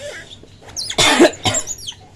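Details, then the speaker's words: Adult male keeper coughing deliberately to provoke a beach monkey's response: two short voluntary coughs with the monkey's faint high-pitched screaming calls around them. "teriak-teriak dengarkan teman-teman Nah kalau batuk dia mesti responnya akan teriak-teriak"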